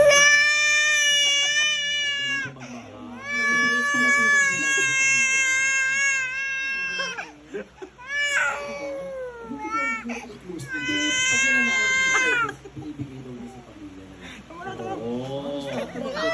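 Loud, sustained wailing cries with catches and pitch breaks between long bouts; ordinary vigorous infant crying.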